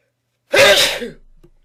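A single loud, explosive sneeze with a sharp burst of air that fades quickly.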